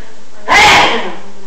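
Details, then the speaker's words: A single loud, explosive sneeze with a sharp onset and brief fading tail in a quiet room; sneezing. "Thanks, you just ruined my video. I'm sorry. With your loud, obnoxious sneezing."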